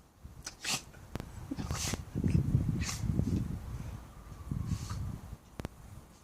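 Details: A dog gives a run of about four short, sharp sneezes over low background rumble.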